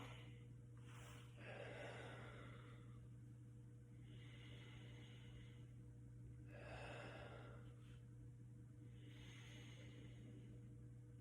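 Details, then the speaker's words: Normal bronchovesicular breath sounds over the middle thorax during a student nurse's respiratory assessment: slow deep breaths in through the nose, with even inspiratory and expiratory phases and no added sounds. "all right so where i just listened was bronchovascicular so those were even inspiratory and even excretory sounds"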